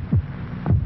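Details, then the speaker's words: Two deep, regular lub-dub thumps of a human heart, stated as 72 beats in one minute, from a vintage pain-reliever TV commercial; normal heartbeat. "this is the sound of a human heart it will beat 72 times in this minute"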